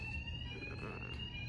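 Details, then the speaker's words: Steady high-pitched electronic alarm tone sounding continuously over low room hum in a labor and delivery hospital room, going off as the family prepares to leave with their newborn after the birth. "I'm sorry let me let me go check and see what's going on here we can't leave the room to the alarm stops yeah I heard"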